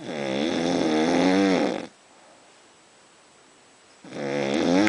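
Two long, loud, vibrating snores on breathing in, separated by about two seconds of quiet breathing out.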